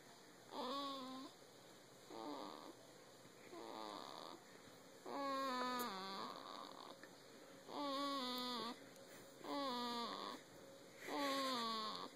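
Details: Newborn baby boy on his sixth day, sleeping on his dad's chest, with soft regular nasal snores on each breath at about 36 per minute; ordinary newborn snoring.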